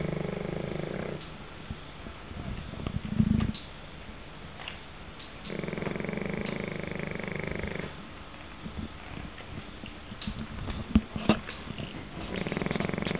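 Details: Pekingese dog snoring: low, buzzing snores repeat every few seconds over room noise, with some rustling and clicks in between.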